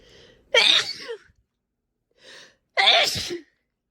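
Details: Two forceful sneezes, each preceded by a short inward breath; sneezing.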